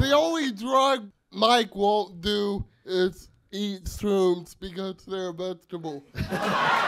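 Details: Adult male speaker; dysarthria (cerebral palsy).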